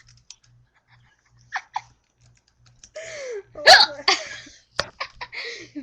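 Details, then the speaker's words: A girl hiccups; sharp, sudden catching hiccup sounds mixed with laughing and talk over a faint steady hum. "now she has hiccups the dots on your face no no not that this look yeah what's that mean you're welcome oh guess desper not funny this is called has the hiccups"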